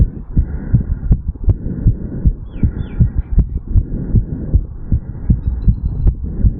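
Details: 35-year-old male recorded at the mitral/bicuspid valve area after an afternoon walk/sprint: fast, regular heartbeat, an expected quickening after exertion.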